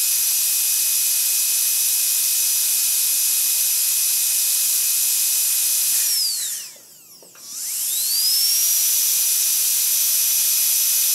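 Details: High piercing whine dropping briefly in pitch and loudness then spinning back up; dentist's drill sound-effect recording.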